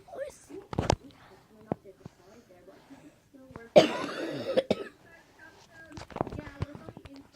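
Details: A few harsh cough bursts, one long and rough with a throaty rattle, breaking up quiet speech from a person who has a horrible cough and whose voice is down.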